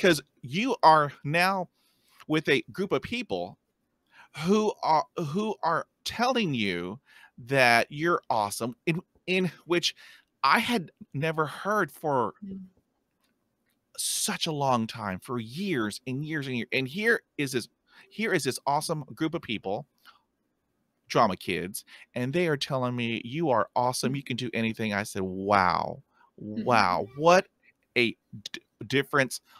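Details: Stuttering in an adult woman, herself a speech-language pathologist, who reports blocks and repetitions, heard in conversational speech.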